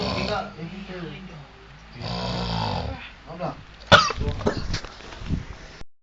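Low rumbling, rattling sounds with breath, interrupted by snorts and a sharp noise; consistent with snoring during sleep.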